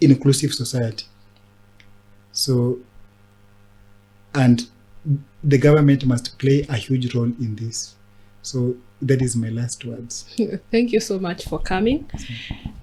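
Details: Adult man who stammers since childhood and was mimicked at school for it, now a disability advocate who links stammering with mental health challenges; stuttering.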